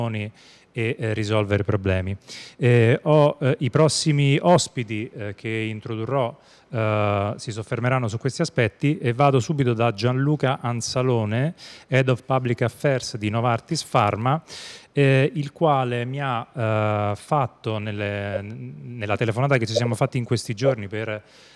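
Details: Adult male speaker; normal voice.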